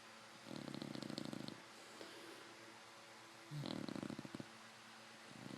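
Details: Fannie, a 5-month-old English Bulldog puppy, asleep, sometimes with eyes open: two soft rattling, buzzy snores on breaths in, separated by quiet breathing; snoring.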